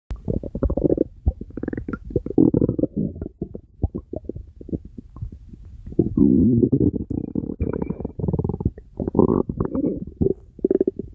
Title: Stomach Rumbling